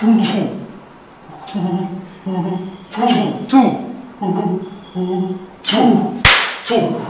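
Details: Acted comedic portrayal of a stammering male customer repeating digits; stuttering.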